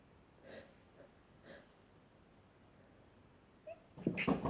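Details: Self-recorded sneezing session: soft breathy build-up sounds, then a loud, explosive sneeze at the end; some sneezes stifled, others strong and wet.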